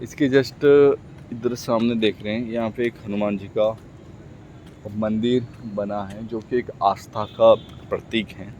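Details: Adult man speaking Hindi who stammers, speaking for his own practice; stuttering.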